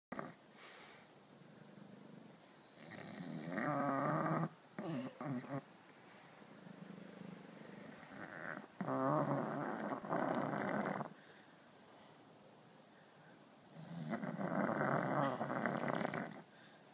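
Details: Aussie Bulldog snoring after a tiring day: loud, rough, rattling snores on three slow in-breaths with quieter out-breaths between, in a quiet room; ordinary snoring.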